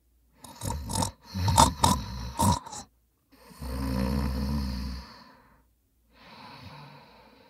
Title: Snoring Sound Effect 😴 Epic Snoring Sounds